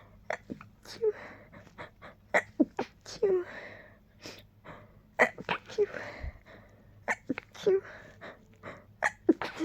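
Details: Tickly nose causing desperate rapid sneezing: more than a dozen sharp sneezes and catching breaths in under ten seconds; repeated sneezing fit.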